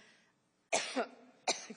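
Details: Adult woman testifying at a congressional hearing has a coughing fit: two sharp, dry cough bursts after a brief pause; she then declines a break and asks for a lozenge.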